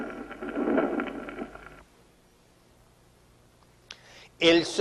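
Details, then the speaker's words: Continuous machinery murmur (patent ductus arteriosus): rough, continuous rumbling murmur with rhythmic pulsing running through both silences and obscuring the second sound, then a pause and a man begins speaking. "El soplo se llama continuo cuando se continúa sin interrupción en ambos silencios, englobando el segundo ruido, es decir, borrándolo."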